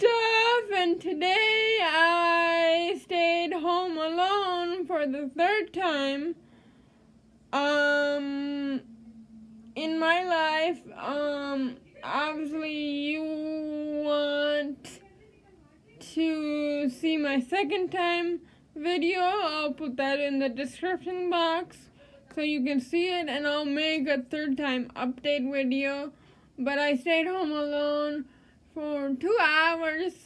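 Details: Adult woman living with cerebral palsy; dysarthria (cerebral palsy).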